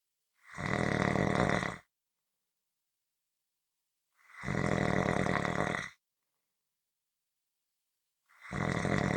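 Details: Loud, rough snores on each breath in, roughly every four seconds (about 15 a minute), with silence between: snoring.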